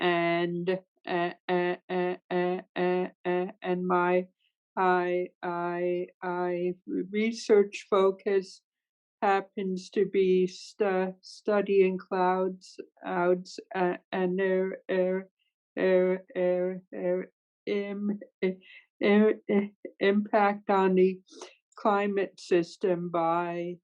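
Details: Adult woman who stutters, speaking in a webinar with sound and part-word repetitions; stuttering.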